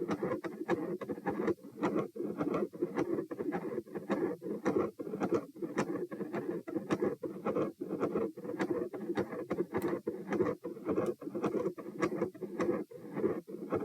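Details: Heart sounds recorded at position P: a quiet, soft, unbroken rumbling murmur through the whole cardiac cycle, with sharp electrical disturbance clicks; a continuous machinery murmur.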